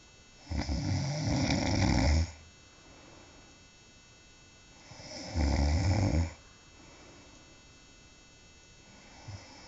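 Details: Person asleep, filmed by someone else: two long, rattling snores on the in-breath, about four seconds apart, with quiet breathing between; snoring.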